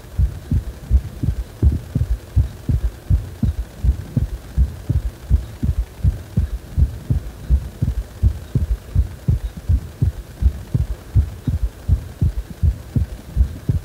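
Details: Heart sounds described as feeling like the heart is wobbling: regular deep heartbeats at about 82 per minute, evenly spaced, with a low hum underneath; heartbeat.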